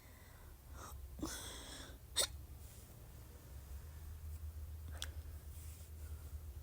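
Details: Hiccups.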